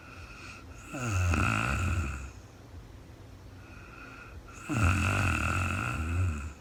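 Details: Woman sleeping in real time: two loud, low, rattling inspiratory snores about 1.5 seconds each, separated by quieter breathing; snoring.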